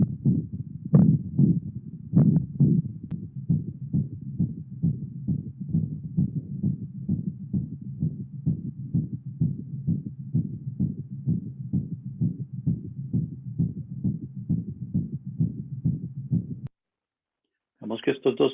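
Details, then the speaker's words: Rapid heartbeat near 130 a minute with a blowing sound filling each beat; a systolic regurgitant murmur in an animal patient with atrioventricular valve insufficiency, in a veterinary teaching example. "socios históricos regurgita activos en pacientes que tenían insuficiencias de válvulas patri ventriculares y a pesar de que tenían la misma patología el soplo no se escucha igual"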